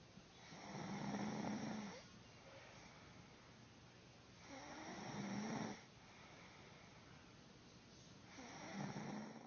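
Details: Slow, rough rattling breaths roughly every four seconds, about 15 a minute, from a sleeping adult; snoring.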